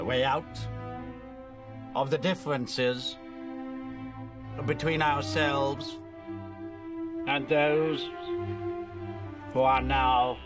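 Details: Acted stammer: actor portraying King George VI delivering a wartime radio speech in a film; stuttering (acted).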